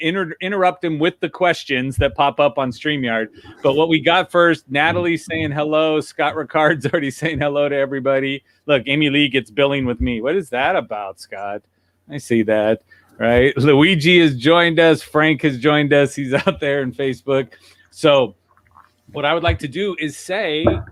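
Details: Adult male speaker; typical speech.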